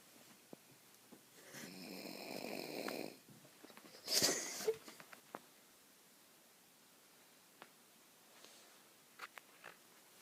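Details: One drawn-out raspy snore, then a brief sharp noise and scattered small sounds in a quiet room; a sleeping friend snoring during a sleepover.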